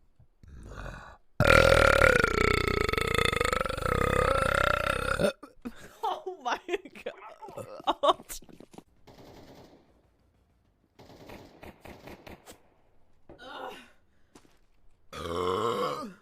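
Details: Girls burping: a long, loud, drawn-out tonal burp, then several shorter belches, with laughter and chatter between; burping.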